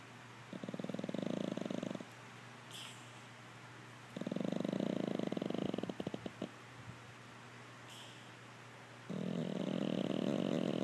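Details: Pug dog asleep and snoring: long, rattling, fluttering snores alternating with quiet breaths, roughly every few seconds.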